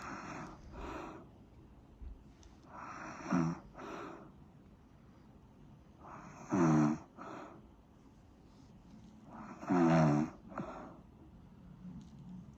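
Regular snoring, about 18 breaths a minute, with rough rattling snores on the in-breaths and softer out-breaths in a quiet room.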